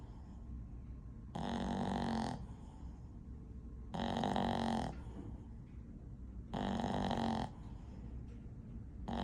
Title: Jenna snoring #bostonterrier #bostonterriersociety #bestdogever #bostonpuppies